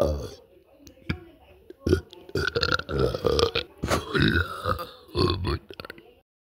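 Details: Boy producing several loud, drawn-out voiced belches, some running into vocal sounds, in a small room; repeated burping.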